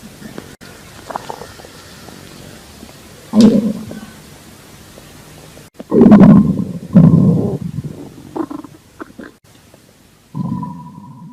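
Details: Girl lying on an examination table while a doctor listens to her abdomen with a stethoscope: low gurgling rumbles with rubbing noise as the chest piece moves.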